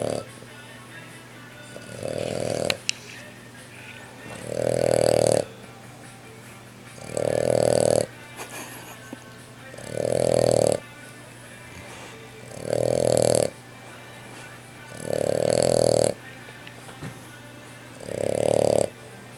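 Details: Brachycephalic dog on phenobarbital with low levels and grand mal seizures: loud, rhythmic, droning snores about 22 a minute, typical of obstructed upper airway breathing; snoring in a brachycephalic dog.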